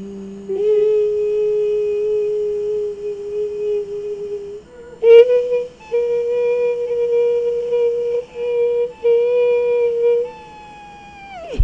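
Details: Adult voice; segmental vocal cord vibration (tin whistle voice).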